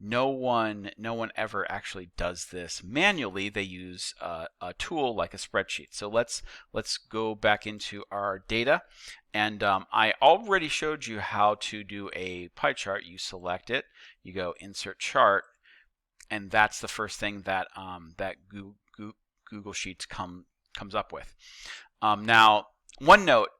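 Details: Male teacher who says he stutters and that repetitions heard are his, not the video buffering; real, not acted; stuttering.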